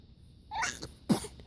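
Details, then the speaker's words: 5½-month-old baby girl fake sneezing because she finds sneezes funny: a soft intake then a quick breathy burst of air, a pretend sneeze. "What are you laughing about? is fake sneezing. What? fake sneezing."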